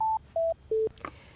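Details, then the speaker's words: Three short descending electronic tones, then a faint click: a LIFEPAK CR Plus AED switched off by holding the on/off button, to save battery, during electrode packet replacement. "Hold down the onoff button to turn it off so you don't use up the"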